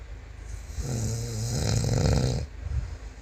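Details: Snoring in a sleeping man: one loud, deep, rattling snore with steady room hum behind it.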